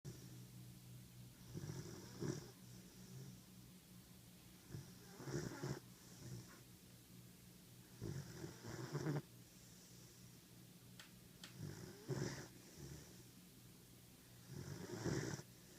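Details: 14-week-old German Shepherd puppy snoring while asleep: irregular soft rattling and snorting breaths, roughly 20 a minute, over a steady room hum.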